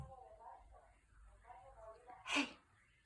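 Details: A sneezing fit indoors during a game of fetch: a person speaks softly in the background, then one sharp, explosive sneeze bursts out near the end.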